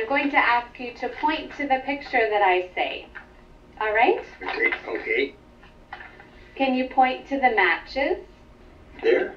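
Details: Adult woman speaking; normal speech.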